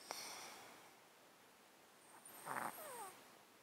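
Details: Cat sleeping in a box, recorded with a close-up mic; an underlying disease of 13 years makes him sound snotty and sneeze constantly. Soft snorting breath with a brief whistling, snuffly squeak from the nose; congested breathing.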